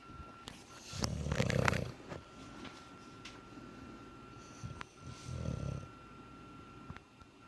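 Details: English bulldog snoring while asleep with his eyes open: two loud rattling, snorting breaths over low room noise and a faint steady tone; flat-faced dog snoring.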